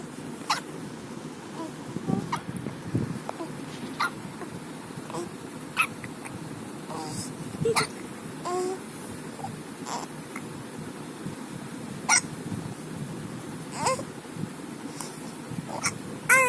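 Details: One-month-old baby with hiccups: repeated short, sharp catches in the breathing, with soft baby noises between them.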